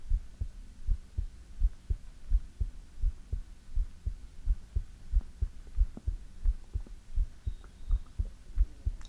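Steady low double thumps at about 86 beats a minute; an ordinary-sounding heartbeat.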